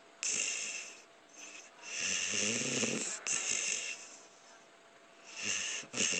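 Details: An adult man snoring very loudly.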